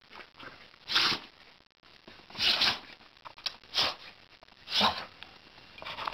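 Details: Sneezing fit: four short hissing, explosive sneezes in close succession over about four seconds; a run of repeated sneezes.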